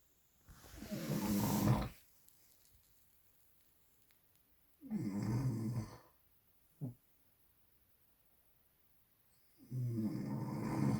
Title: hubby snoring